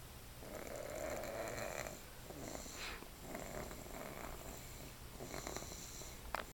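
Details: 13 months old, asleep: repeated rough, rattling breathing noises, two or three long snore cycles over several seconds; snoring.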